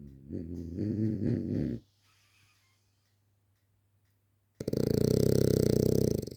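Loud snorting, rattling breaths separated by a quiet pause, typical of snoring noise from a flat-faced dog's narrowed upper airway.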